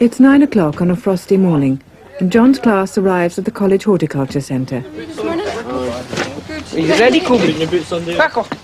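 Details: Adult narrator; Normal speech.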